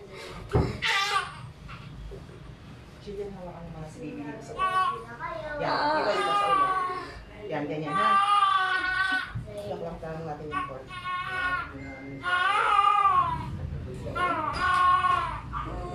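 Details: Repeated high, strong wailing cries of a newborn girl just after a normal vaginal delivery, the mother's second baby, with room voices and noise behind; a normal vigorous first cry.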